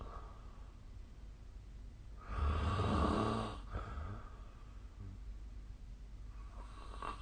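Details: Snoring recorded with the SnoreLab app: one deep, rumbling snore on an inward breath, then quiet breathing against faint room noise.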